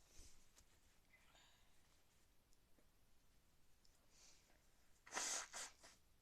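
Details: A sick person with a cold sneezing: quiet room, then a sudden hissing sneeze burst with a trailing second gust near the end.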